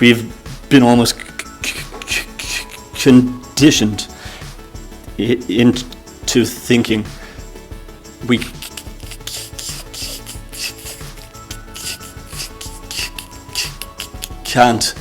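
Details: Person who stammers, speech with long blocks and pauses between words; stammering (stuttering).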